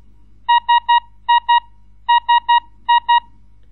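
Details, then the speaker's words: Ventilator alarm from a Breas Vivo ventilator relayed through the remote monitoring PC software, heard via the speakers: loud repeating beeps in groups of three and two short tones with pauses between groups. "you can hear the alarm sound will also be heard via the speakers"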